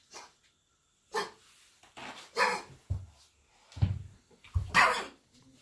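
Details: Labrador, kennel cough after several days kept in an outdoor kennel/boarding, infection treated with antibiotic injections: a run of harsh, honking, bark-like coughs; kennel cough.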